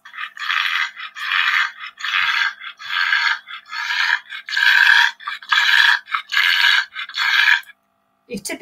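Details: Pharyngeal stertor in a pug with brachycephalic obstructive airway disease after a 3-minute exercise test.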